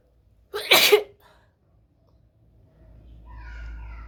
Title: Wide Nose Sneezes Africa.